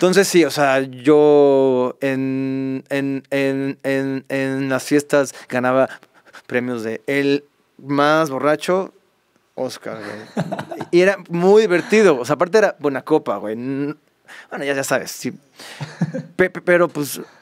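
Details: Adult Mexican male singer who has stuttered since childhood, worst in adulthood, after many childhood speech therapies and a learned breathing-based fluency technique, with part-word repetitions; stuttering.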